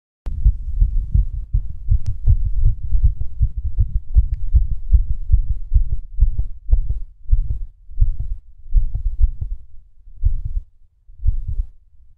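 Low, muffled heartbeat with uneven spacing and occasional longer pauses, fitting skipped beats.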